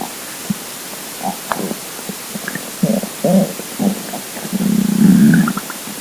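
Gurgling, bubbling rumbles ending in a longer low growl: an empty stomach rumbling, a normal sound of hunger.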